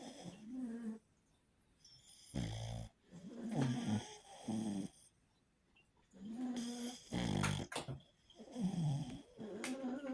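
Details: A sleeping pug gives loud, rattling snores in bursts roughly every three seconds, with quiet pauses between: snoring.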